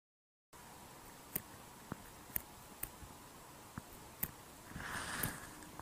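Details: Mechanical prosthetic heart valve: sharp, high-pitched metallic clicks over a quiet background, the crisp closing sounds of an artificial valve.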